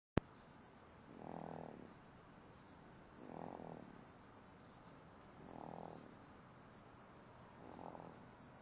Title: Do babies snore?